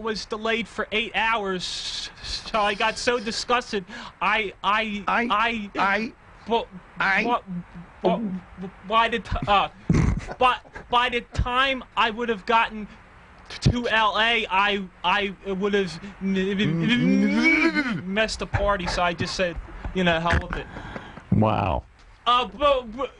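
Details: Adult man who stutters, a radio caller; stuttering.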